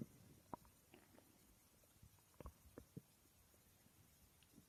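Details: Woman's stomach growling while she slept: faint, irregular gurgles and squelches over quiet room noise; ordinary borborygmi, bowel sounds during sleep.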